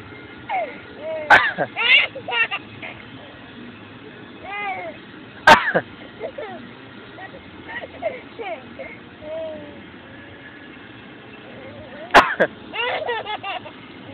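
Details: Adult coughing three sharp, isolated times while another person laughs in between.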